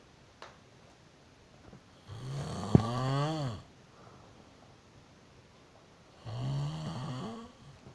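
Two loud, rattling snores on breathing in, about four seconds apart, with quiet pauses between them in a small room.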